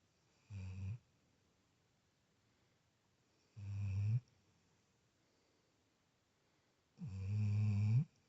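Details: Sleeping Labrador dog snoring: three loud, deep, rumbling snores at about 16 a minute, with quiet pauses between them.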